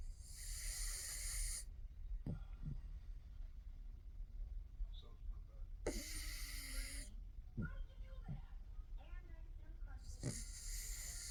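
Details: Sleeping pugs: hissing, wheezy breaths with snorting, rattly snores in between; snoring.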